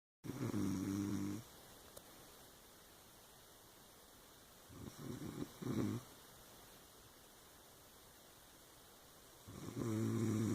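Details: Snoring.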